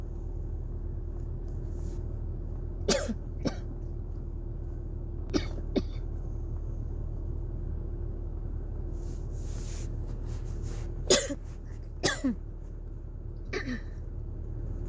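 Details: Person with cough variant asthma triggered by cold, dry air and dusty heater vents: about eight short, dry, hacking coughs in small clusters over a steady low room hum, at night.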